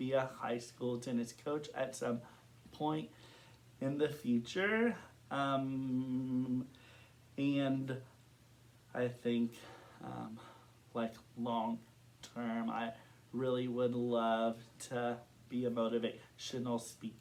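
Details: Adult man who stutters, with stuttering, speaking in an interview with a speech-language pathologist.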